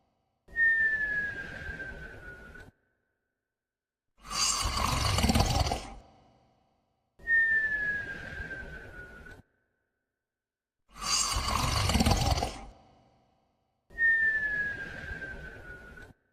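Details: A sleeping dog snores in slow cycles: whistling nasal in-breath, then rough rumbling out-breath.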